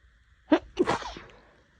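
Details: A person with an itchy nose bothering them for several days records two quick explosive sneezes in close succession, the second longer with a trailing exhale; part of a prolonged sneezing fit.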